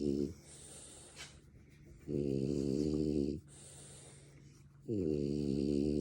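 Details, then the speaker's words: French Bulldog snoring while awake: loud, rough, buzzing snores with each breath in, about every two to three seconds, with quieter breathing between them. "Are you snoring while you're awake?"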